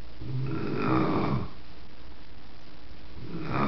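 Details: Grandma asleep on the couch: deep, low rattling snores on inhalation over steady room noise, described as snoring like crazy; snoring.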